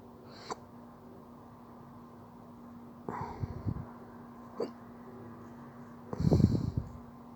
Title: Drunk hiccups